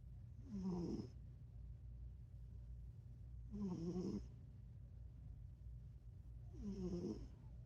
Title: #snoring cat cute funny#ねこ いびき カワイイ♥️